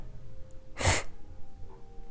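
One brief, hissing sneeze-like burst over low room noise; a single sneeze.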